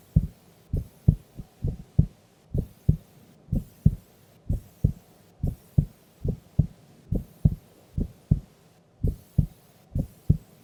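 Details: Heartbeat of a sleeping female during an afternoon nap: regular, clear paired low thumps at about 70 a minute, normal resting heart sounds.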